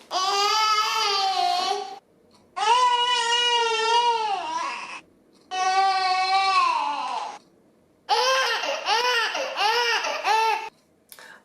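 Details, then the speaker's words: Infant crying in four strained bouts with a drawn-out 'eairh' sound, demonstrated as the Dunstan baby language cry for trapped gas. "ensuite pour dire qu'il a des gars ça va être un peu plus r quelque chose comme ça pareil je vous l'écris je vous laisse écouter"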